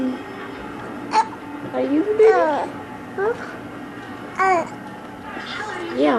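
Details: Baby hiccups: brief sharp voiced catches every second or so mixed with soft babbling and faint background music; infant recorded by his 10-year-old brother.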